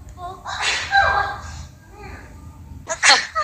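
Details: A young woman, a TWICE member, gives a voiced, drawn-out sneeze with a sharp burst, then a second short sneeze moments later. Sneezing.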